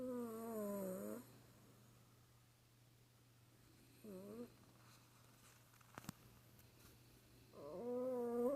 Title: Cat snoring